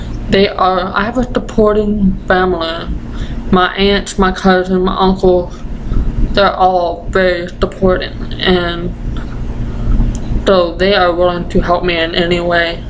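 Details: Deaf 20-year-old woman with Usher syndrome and an ataxia she says affects the basal ganglia, present since childhood: ataxic dysarthria with deaf speech.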